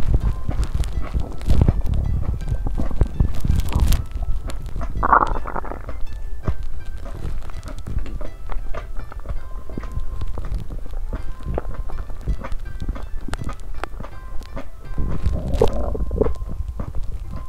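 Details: Stomach rumbling recorded on 2 January, after eating a New Year meal including ramen, under steady background music: low abdominal rumbling with a few distinct gurgles, ordinary digestive bowel sounds (borborygmi).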